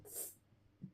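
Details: Loud snoring from a sleeper lying nearby while the speaker chats quietly in the same room: snoring.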